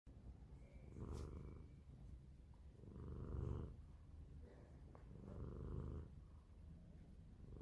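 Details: Sleeping cat snores softly in slow, regular, low rumbling breaths, about 27 a minute.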